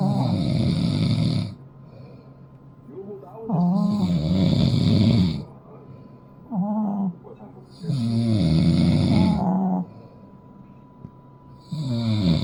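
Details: Deep rattling snores alternating with softer, higher snuffling snores, about a dozen cycles a minute, from a napping father and long-haired Chihuahua together; combined snoring.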